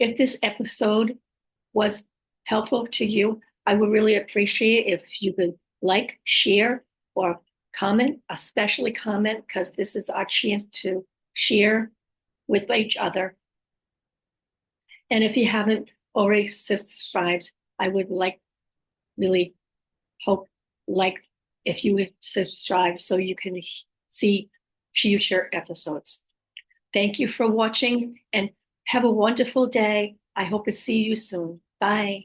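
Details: Adult woman with aphasia, apraxia of speech and dysarthria caused by a stroke about 5.5 years earlier; she says her speech can sometimes be hard to understand; post-stroke aphasia with apraxia of speech and dysarthria.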